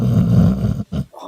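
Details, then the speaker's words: Male dog snoring loudly: a loud, low, rumbling snore through a long breath, a brief pause, then a shorter snort. "Is this something snoring? That's a good boy. That's him. That's the dog."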